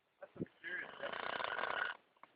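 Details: Drunk adult man snoring in his sleep on a canoe trip: a single loud, rattling, buzzy snore on the in-breath lasting over a second after a few brief breath noises; plain snoring.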